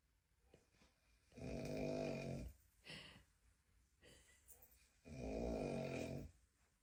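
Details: Snoring: two long, loud, rattling snores on the breath in, with quieter breathing between them, from a compilation of people caught asleep.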